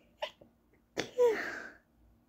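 A short inhaled catch, then a high-pitched, suppressed sneeze with a brief squeaky tail; a stifled sneeze.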